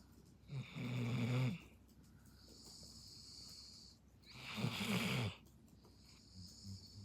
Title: Snoring dog half asleep #dog #belgianmalinois #snoring #malinoislovers #cute